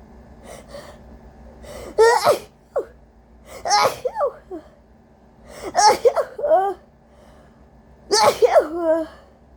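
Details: Four forceful induced sneezes close together, each with a gasping build-up, from a person with a cold and a very congested, sensitive nose; repeated sneezing.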